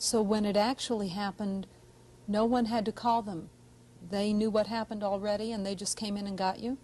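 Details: Adult woman speaking; speech.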